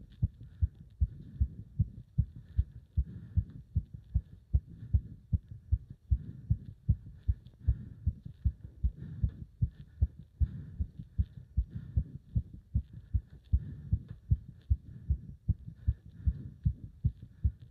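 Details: Pounding, fast, strong, regular heartbeat at about 150 per minute, felt up to the subclavian artery, during leg wrench exercise; a rapid, forceful heartbeat as a normal exercise response.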